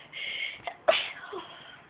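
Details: Young woman deliberately inducing a sneeze with a rolled-up object: a short breathy intake followed by a sharp, hissing sneeze.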